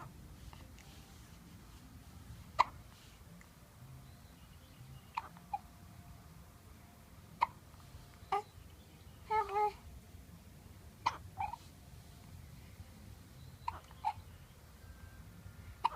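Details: Hiccups: brief sharp gulping sounds repeating every one to three seconds, about a dozen in sixteen seconds, against quiet room noise.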